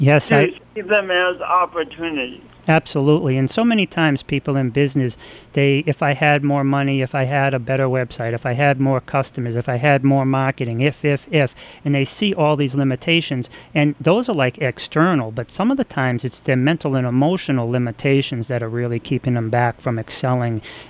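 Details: Adult male speaker; normal speech.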